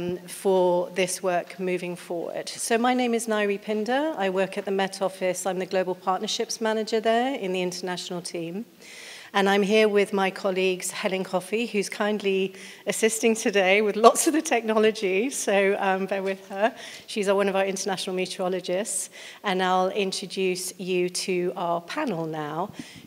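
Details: Adult speaker, presentation microphone; normal voice.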